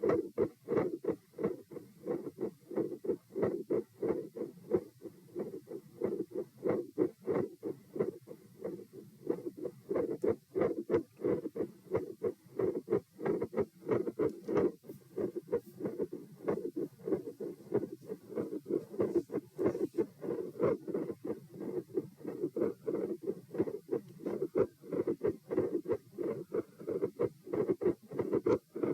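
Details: Auscultation stress test at position P, heart rate 84-90-90-102-114 over lie-sit-stand-bob-stand, unusually low rise compared with previous tests; normal lub-dub heart sounds, very phasic, speeding and slowing in waves, climbing toward about 114/min.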